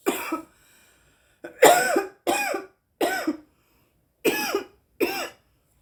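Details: Woman smoking weed: six harsh, dry cough bursts in quick succession, some in close pairs, with brief silent gaps; a repeated coughing fit.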